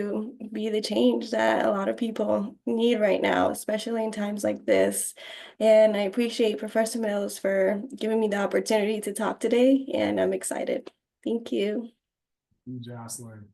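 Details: Adult woman speaking; ordinary speech.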